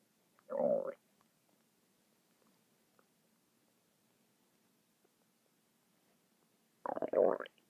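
Two short gurgling rumbles separated by near silence; ordinary stomach rumbling from gas and fluid moving through the gut.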